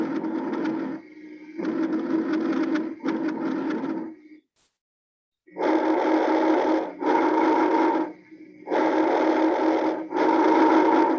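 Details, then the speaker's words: Teaching examples of normal breath sounds played again; heartbeats may also be heard when auscultating, and learners are told to ignore them. "bueno entonces voy a repetirlos otra vez los sonidos normales"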